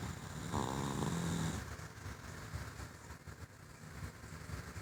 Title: Dark video of gus snoring